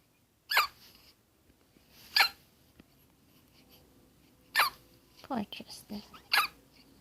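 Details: Hiccups that sound like a squeaky toy: sharp, abrupt voiced bursts at irregular intervals, about five in seven seconds, with quiet breathing between.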